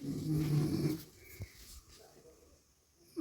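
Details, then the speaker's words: One deep, rattling snore about a second long from a mother sleeping, followed by quiet room sound: snoring. "വലിക്കുന്നത് അമ്മച്ചി കൂർക്കം വലിക്കുമായിരുന്നു guys കൂർക്കം വലിക്കുകയായിരുന്നു"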